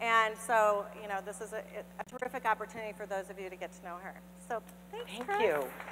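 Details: Adult woman speaking; normal voice.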